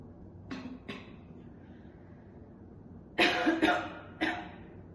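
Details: Two short coughs, then a loud harsh cluster of three and one more from a woman chain-smoking two cigarettes, coughing heavily and spitting throughout; a heavy, rough smoker's cough.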